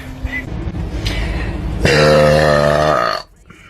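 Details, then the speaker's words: One long, loud, deep-toned belch by a woman lasting over a second, with faint background noise before it; burp. "cheers so full that was actually a pretty good"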